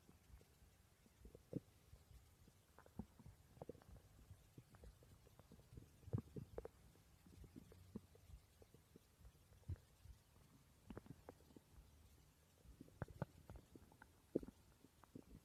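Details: Borborygmi recorded while the person slept: soft, scattered gurgles and clicks with low rumbling over faint background noise; quiet stomach growling.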